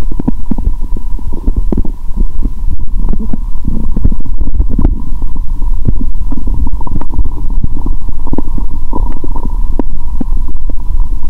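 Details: Frequent irregular gurgles, pops and low rumbles with a faint steady hum, through a stethoscope on the abdomen after eating Mentos following a 15-hour fast: active bowel sounds.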